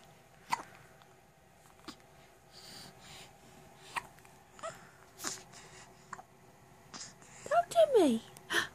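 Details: Young girl with hiccups, comforted by her mother; several short, sharp, spaced hiccups, then a brief whimpering cry near the end; ordinary hiccups.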